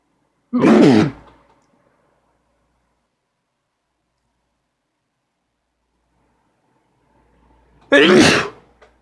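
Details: Uncontrollable sneezing: two forceful sneezes several seconds apart, with quiet between them.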